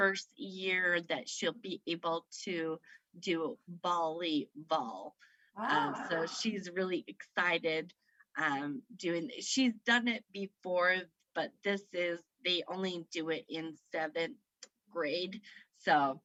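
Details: Woman with aphasia after a stroke at age 38 in September 2018 that affected her right side, speaking about 3 years after onset; aphasia.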